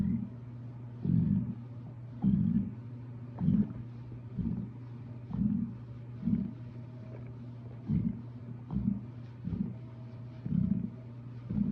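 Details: Stomach growling: low, irregular gurgling rumbles roughly once a second over a steady low hum; ordinary bowel sounds (borborygmi).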